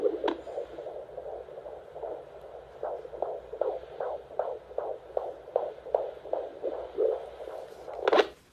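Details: A baby's heartbeat in the womb: fast, regular whooshing pulses at about 150 beats per minute over a low background hum, described as sounding great.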